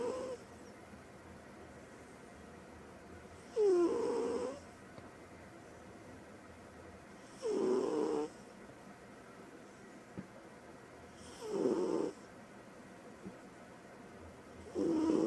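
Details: Soft rhythmic snoring, about 15 breaths a minute, each breath a brief nasal rattle then quiet, from a female cat sleeping hard; cat snoring.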